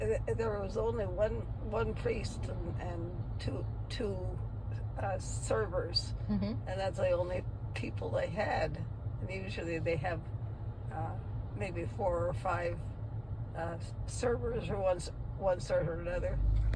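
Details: Non-fluent Broca's aphasia in a 90-year-old woman about 100 days after a left ischemic stroke, with slow recovery, word repetitions and fillers.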